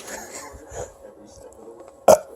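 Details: Adult burping to make a baby boy laugh: soft throat sounds, then one loud, sharp belch near the end; an ordinary burp.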